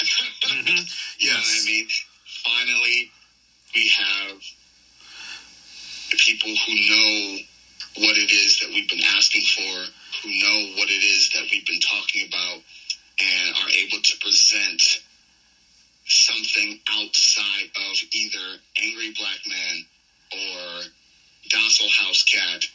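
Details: Stuttering in an adult male pro wrestler with a long-standing stutter that made him nervous about speaking; he says it disappears during promos; unscripted podcast interview speech.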